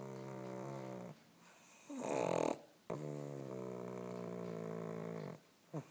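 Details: Awake pug makes loud, rattling, snore-like breaths: stertor, noisy breathing while awake, consistent with upper airway obstruction.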